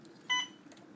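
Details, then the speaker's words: Single short electronic keypress beep from a patient-controlled analgesia (PCA) infusion pump in a quiet room, during a nursing training demonstration while confirming the syringe is in place and selecting the syringe, drug and standard dose. "put the key into program and confirm that the syringe is in place select the syringe and select the drug that you will be infusing standard dose"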